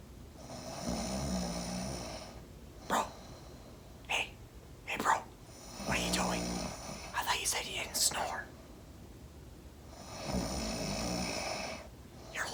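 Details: Simulated snoring by an actor in a staged comedy scene: loud, rattling snores in long regular cycles with short snorts between; not real snoring.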